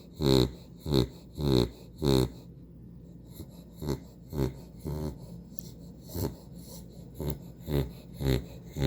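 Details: Dog snoring during a nap: loud rhythmic snorting, rattling snores, roughly 50 breaths a minute, with some louder bursts.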